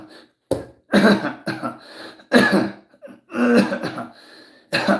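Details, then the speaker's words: Bursts of short, sharp coughs repeating at irregular intervals with brief gaps while talking, family audible in the background; coughing vocal tics of Tourette syndrome, which the speaker says he can sometimes stop. "Sometimes Tourette's is mind over matter. I can stop that."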